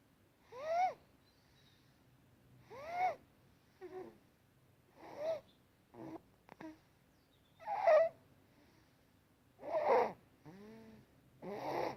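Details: 9-week-old sleeping infant boy, diagnosed with laryngomalacia at 3 weeks old: high-pitched squeaky crowing with each breath in, inspiratory stridor from laryngomalacia.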